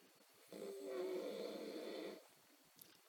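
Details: Person snoring: one long rattling snore lasting under two seconds, with a faint whistling tone, in a quiet room.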